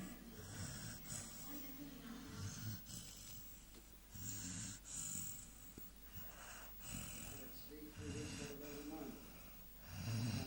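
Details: Three-month-old American Staffordshire Terrier puppy asleep: repeated low, snuffling snores with snorting, wheezy breaths in a steady sleep rhythm; snoring.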